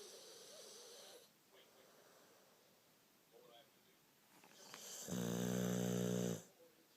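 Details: Dog named Jack snoring: soft breathing noise, then a loud buzzing, rattling snore on one breath in.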